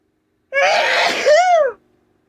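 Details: Adult sneezing while talking, out of tissues: one forceful, wet-sounding sneeze with a voiced sharp intake and burst, ending on a rising-falling vocal tail.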